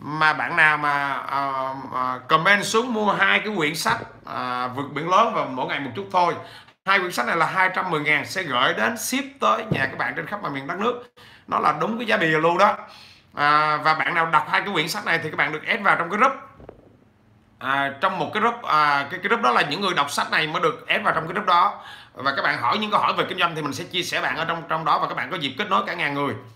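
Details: 43-year-old man who has stuttered since childhood; he says it has eased with frequent speaking but persists; stuttering.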